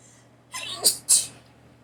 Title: Allergy sneezes vs